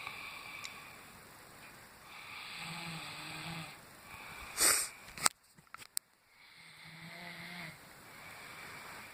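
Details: A brother snoring loudly: two slow, rattling snores on the in-breath, roughly four seconds apart, with a brief rustle in between.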